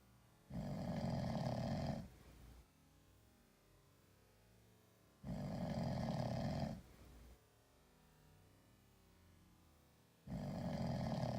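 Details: Sleeping cat snoring like a human: loud, rumbling snores on each inhalation, roughly every five seconds, with quiet pauses between; harmless cat snoring.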